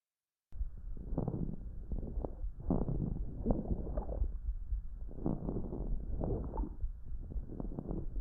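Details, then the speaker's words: Subcrepitant crackles in a chest examination teaching recording: muffled low bubbling and crackling heard throughout the respiratory cycle, in both inspiration and expiration, over a rumbling background; these crackles change when the patient coughs. "Ahora bien, otros serán los subcrepitantes y se escuchan a lo largo de todo el ciclo respiratorio, tanto en expiración como inspiración. Y estos se modifican cuando el paciente tiene tos."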